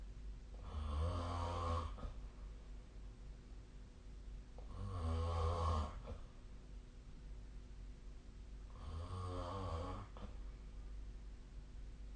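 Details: Three regular, vibrating snores about four seconds apart, roughly 15 a minute, over steady room noise; adult sleep snoring.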